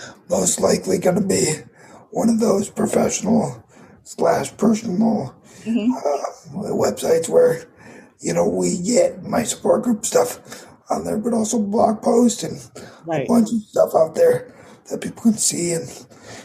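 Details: 22-year-old man with dysarthria from cerebral palsy affecting his muscles; he says tighter muscles make talking more difficult and the effect is audible in his voice.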